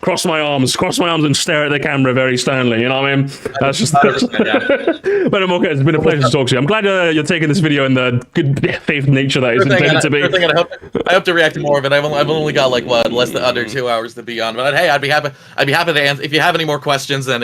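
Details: Adult man speaking; normal voice.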